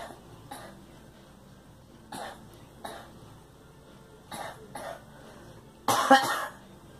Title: Girl coughing